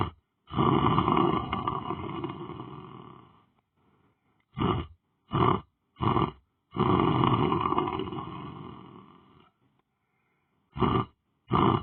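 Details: A person lying down on the floor asleep snores loudly. Long, drawn-out rattling snore breaths alternate with short, sharp snorts, harsh and coarse in quality.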